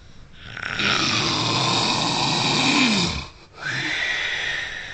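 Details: Man snoring heavily in sleep: loud, long rasping snore on inhalation, a brief pause, then another snoring breath.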